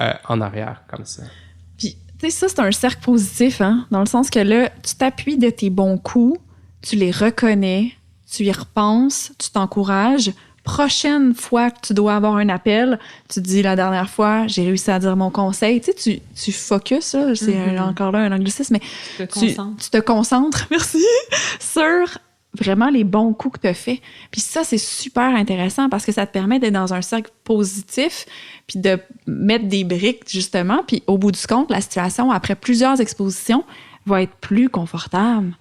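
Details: Adult woman speaking French; fluent speech.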